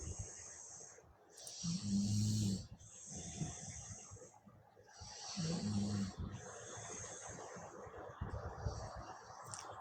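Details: Father asleep and snoring while a child tries to wake him: low, vibrating snores on the breath in, recurring irregularly, with hissing breath between; ordinary snoring.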